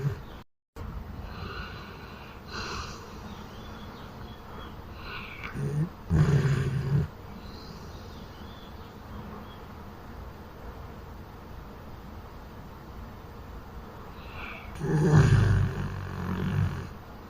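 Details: Sleeping pitbull dog in Thailand snoring: low, rumbling, deep rattling snorts recurring a few times against steady room noise.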